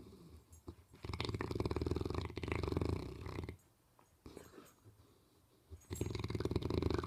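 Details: A sleeping dog, said to snore and dream as if possessed, gives loud rumbling, fluttering snores in irregular bursts with short quiet pauses; snoring while dreaming.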